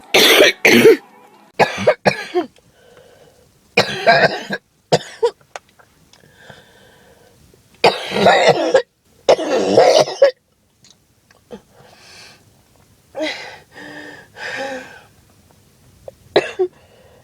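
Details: Repeated harsh, rough adult coughs in short bursts with throat clearing, from an adult with a cold: harsh cough.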